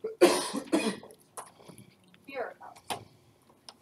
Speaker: a cough. A resounding cough.